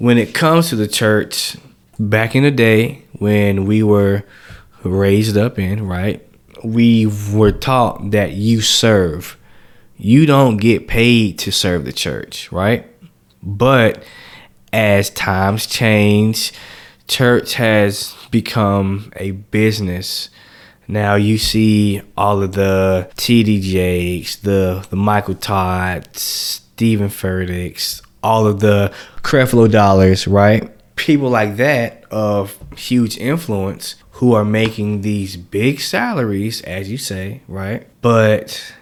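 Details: Adult man who says he has stuttered since age 5, speaking on a podcast; stuttering.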